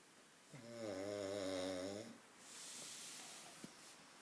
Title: Kevin the snoring pug